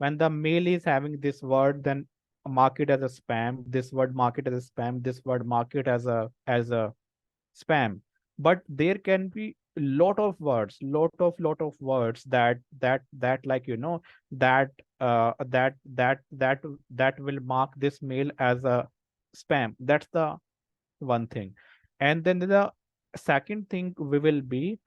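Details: Adult male person who stammers, a senior volunteer in a self-help stammering association; repeated words and part-words are heard; stuttering.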